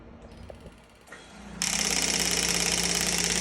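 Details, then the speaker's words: Radial shockwave therapy device firing on a person during treatment: after quiet handling, loud rapid mechanical tapping of the applicator piston at about 3–4 pulses a second. "so I'm going to press this on I'm in a working area"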